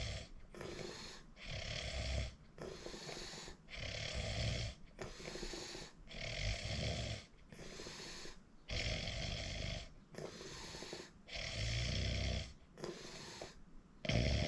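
Loud, rattling snores with each breath, about 24 a minute, steady and repetitive; heavy snoring during sleep.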